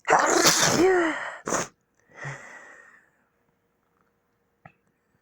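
A loud, drawn-out sneeze, then a shorter sharp one, followed by a sigh-like breath; ordinary sneezing.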